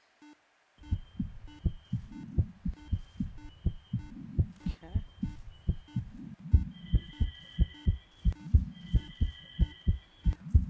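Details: Normal heart sounds.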